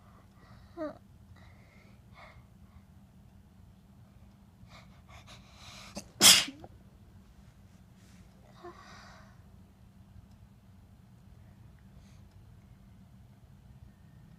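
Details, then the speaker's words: Person sneezing in bed: a quick breath in, then a single loud, sharp sneeze in a quiet room with a low steady hum; ordinary sneeze. "I have sneeze. Oh God. Yeah. Yeah. Oh."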